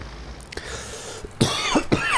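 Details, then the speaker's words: Three short, harsh, dry cough bursts in quick succession from someone with a cold who reports a strong urge to cough; dry irritating cough. "ich habe mir erkältung was die gemacht ich habe voll den hustenreiz jetzt unangenehm"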